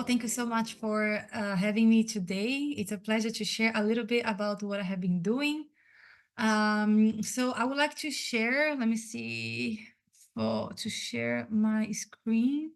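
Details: Adult woman who states she is a person who stutters, audible as she talks, and was especially impacted as a child and teenager; stuttering.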